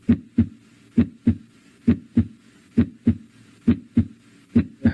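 Regular paired lub-dub heart sounds at about 67 beats a minute, with a voice starting at the end; normal first and second heart sounds.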